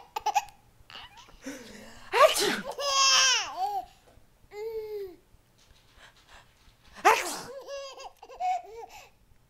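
Two loud sneeze bursts, each followed by an infant's giggling laughter; ordinary sneezes.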